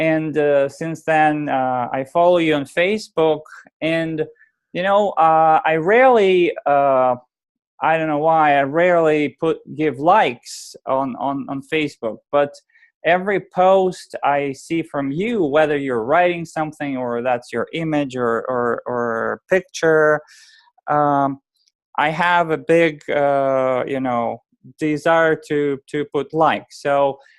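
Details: Adult male speaker; typical speech.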